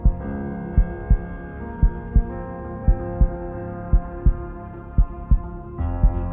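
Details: Produced heartbeat sound effect in an epic music mix: steady paired thumps at about 57 a minute over sustained dramatic music.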